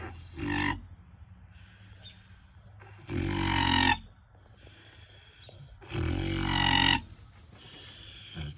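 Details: Loud, rough snoring over about three breaths, with rattling noise and quiet gaps between them, from a sleeping pet called Hammy, described both as a hamster and as a pig; owner says he has sleep apnea.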